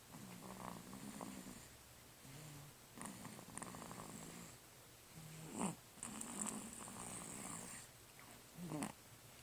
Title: Snoring. Lol.